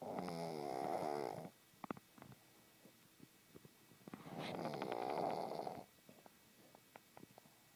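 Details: Pug snoring: two long, rattling, fluttery snores about four seconds apart, roughly 14 breaths a minute, with soft snuffles and clicks between them.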